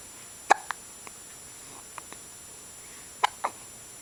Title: Hiccups.AVI